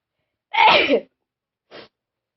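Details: One loud, explosive sneeze followed by a smaller second sneeze-like burst, recorded in the Philippines; sneezing.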